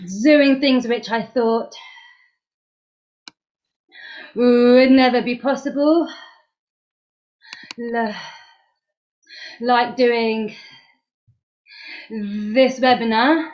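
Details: Stuttering in a woman two months after completing the McGuire Programme course; she reports still blocking but knowing the techniques; speech with pauses and blocks.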